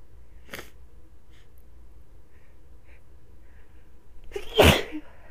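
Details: Person who was very sniffly: faint sniffs and build-ups, then one sharp explosive sneeze near the end, over low background hum.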